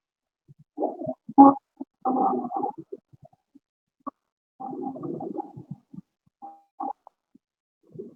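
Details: Wheezes.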